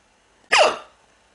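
A single sharp, abrupt hiccup with a quick voiced catch, then silence.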